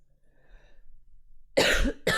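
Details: Two harsh coughs after quiet background noise from a woman streamer who is sick with a sore throat.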